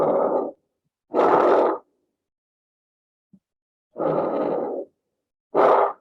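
Three loud, coarse, snore-like rattling breath sounds with quiet pauses between them, audible without a stethoscope: a tracheal rattle from secretions in the large airways.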